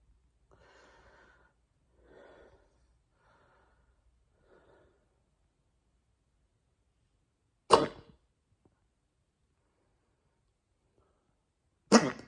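Quiet breaths, then two sharp, abrupt hiccup bursts about four seconds apart.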